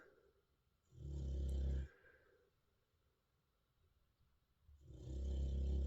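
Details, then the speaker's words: Snoring from Lexi, sleeping in the background of a recording. "I am so sorry if you can hear Lexi snoring. I can't do about it."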